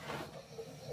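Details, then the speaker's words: Quiet, hissy breathing with a low rattling buzz from a pet dog asleep on the floor, said to snore really loud: snoring. "you can probably hear my dog snoring on the floor so don't mind that noise in the background"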